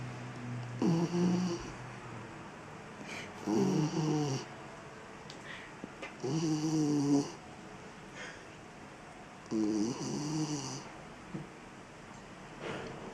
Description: Damn Dog Be Snoring Loud Have Me Cracking Up!